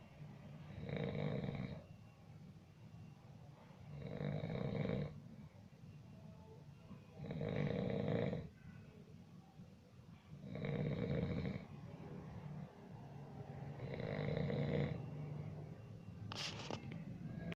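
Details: Recording of a sleeping person snoring: five rattling, rough snores on inhaling, about every 3 seconds (roughly 18 breaths a minute), with quieter exhales between them.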